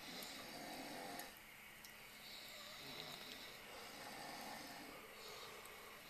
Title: Alancon 2009 - Snoring in the dark